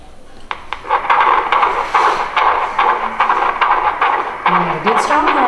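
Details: Fetal heartbeat on Doppler ultrasound in a woman 7 months pregnant, possibly with twins: rapid, rhythmic whooshing pulses at roughly 140 a minute, described as a strong heartbeat.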